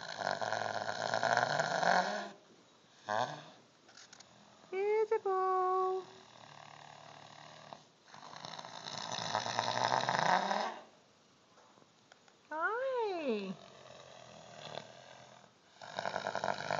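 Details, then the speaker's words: 15-year-old Clydesdale cross mare recovering from sedation for an eye injury, snoring for over an hour: loud, rough, irregular snoring breaths broken by brief squealing tones; snoring. "this would be isabo the Clyde stale horse who's coming out of sedation and is having a little bit of a snoring issue YY here the this has been going on for almost 45 minutes"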